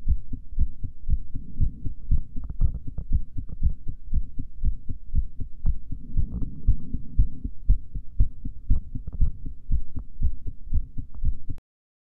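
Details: Female heartbeat recorded after a breath hold: regular, dull paired thumps at roughly 59 beats per minute; normal heart sounds.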